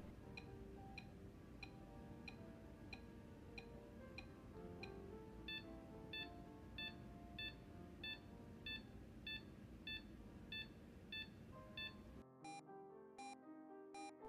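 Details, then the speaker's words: In LLEAP healthcare simulation, the patient monitor's pulse oximetry (SpO2) tone beeps steadily at about 92 a minute, sounding with each detected pulse; simulated SpO2 pulse tone. "while for ge carescape monitor b450 pipping is tied to spo2"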